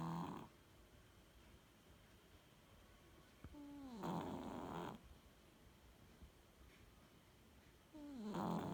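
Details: Snoring recorded 05/03/18: rhythmic snoring at about 15 breaths a minute with a low rattling sound on each breath, in a quiet room.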